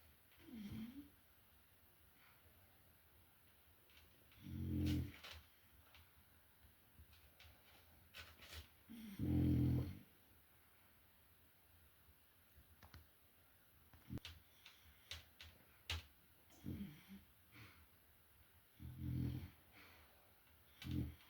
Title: my boy snoring loud #frenchies #frenchbulldogs #bulldogs #love frenchie